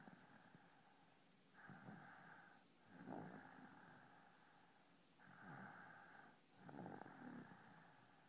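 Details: Soft, breathy snoring with low snorting on each breath, about 16 breaths a minute, over faint room noise.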